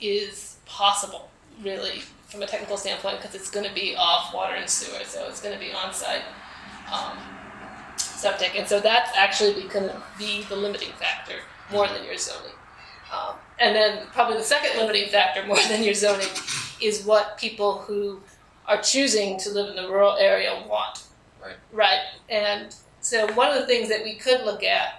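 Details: Adult man with spasmodic dysphonia, which he calls basically localized epilepsy; he links his voice problem to a fall off a cliff during an extreme skiing competition that left his throat 'gunked up'.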